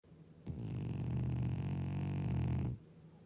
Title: Snore monster